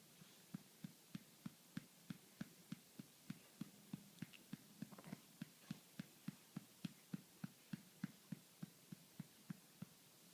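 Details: Person with hiccups: a rapid run of short, regular hiccup-like jolts, roughly 200 a minute, under steady background hum; hiccups.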